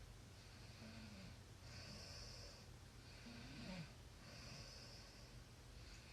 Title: Snoring sounds